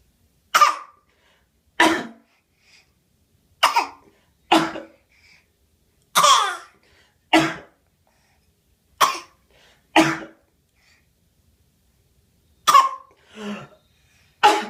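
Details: Infant's fake cough: brief, sharp cough-like bursts, repeated irregularly and made on purpose rather than from illness.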